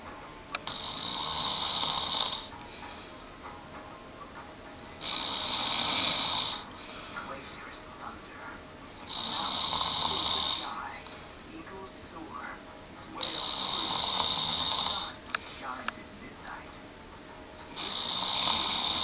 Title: Snoring